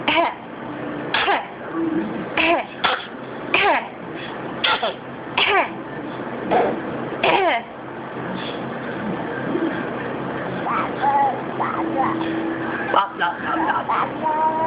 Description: she fake coughs